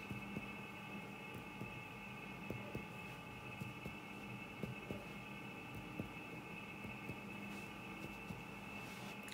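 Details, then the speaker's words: Soft, short finger taps repeating irregularly over room hum: chest percussion in a young child during paediatric physical examination, giving a normal resonant note. "Baik, jadi untuk suara ketukan pada rongga dadanya masih normal ya."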